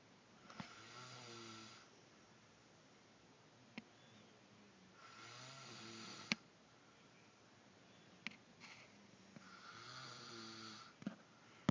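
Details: Snoring: three long, rattling, low snores about every four to five seconds, with room hiss between them.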